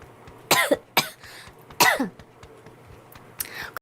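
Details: Girl with a cold, per her own remarks: three quick coughs in a short burst, then a softer throat-clearing cough, in a quiet room.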